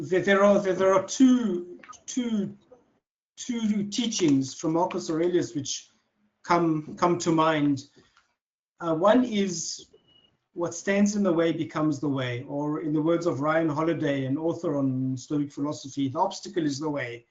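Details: Adult man who has stuttered since childhood, speaking naturally in conversation; stuttering.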